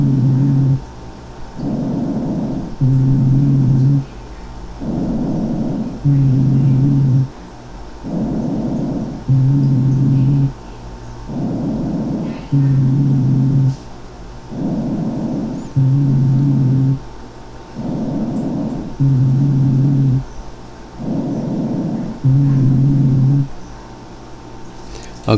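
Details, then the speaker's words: Rhonchi, as in obstructive disease such as chronic bronchitis (COPD): regular breathing at about 19 a minute with coarse, harsh, low snoring sounds, worse on expiration. "se den ustedes cuenta un ruido áspero musical agudo un grueso espiratorio básicamente porque porque recuerden que en las enfermedades obstructivas el problema es para sacar el aire"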